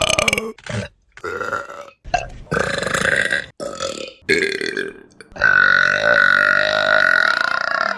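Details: A run of loud, voiced belches, several short ones followed by one long drawn-out burp; repeated burping.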